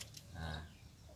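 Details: Chicken with a snoring respiratory noise due to excess mucus, recorded before its owner treats it: a single low, rattling breath, a respiratory rattle.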